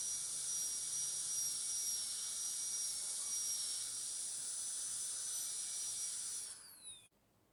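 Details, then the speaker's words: High-speed dental drill whine, falling in pitch as it winds down and stops, while breaking the thin mesial and distal enamel shells at the proximal contacts during full veneer metal ceramic posterior crown preparation of tooth 46. "So I am going to complete the proximal contact breaking now by breaking off its shell of enamel."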